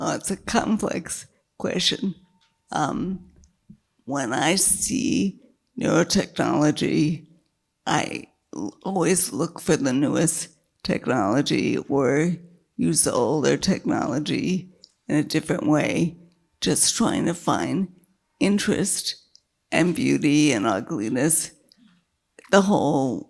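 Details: Dysarthria in a woman with multiple sclerosis progressed to quadriplegia, whose failing diaphragm makes keeping her voice a struggle; she earlier lost her voice and word-finding after a large brain lesion and brain surgery.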